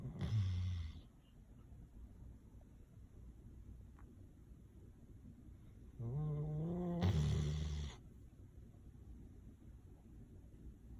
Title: Baymax the Golden Retriever snoring loud | #BaymaxGolden